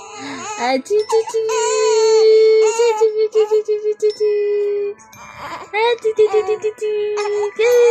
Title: Cute baby crying for milk🍼/#hungry /#babyboy/#004